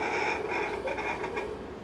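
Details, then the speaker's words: Fetal heartbeat at 20 weeks of pregnancy, recorded with a handheld Doppler and gel near the belly button during a prenatal visit: fast rhythmic whooshing pulses, a normal rate in the 140s. "So that's a normal baby heart rate, like in the 140s. You hear it? So good heart rate. 130 above is great."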